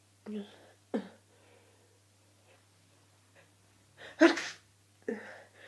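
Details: Person with hay fever and a cold sneezing in fits: quick breathy intakes, then one loud, explosive sneeze and a trailing vocal sound; sneezing.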